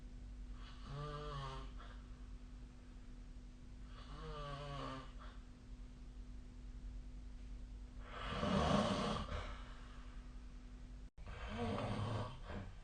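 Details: Snoring during sleep, recorded with the SnoreLab snoring app: three loud, rattling snores on inhaled breaths a few seconds apart, over a steady low room hum.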